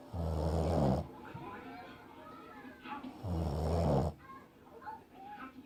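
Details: A person snoring, told that they are snoring: two deep, rumbling snores on breathing in, about three seconds apart, with faint background sounds between.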